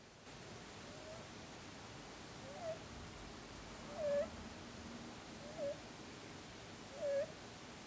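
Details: Mini Rex rabbit giving four soft, squeaky nasal snorts against steady background hiss; harmless rabbit snoring and snorting.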